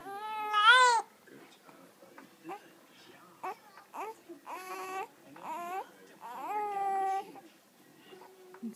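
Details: Hiccups.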